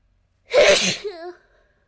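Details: Girl's single sharp, explosive sneeze with a voiced tail in a quiet room.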